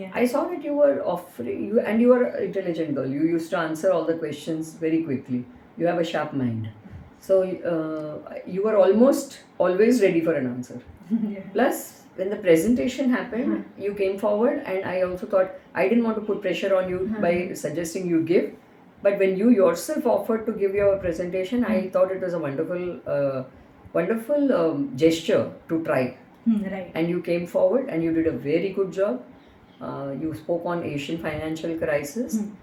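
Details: Adult speaker; normal fluent speech.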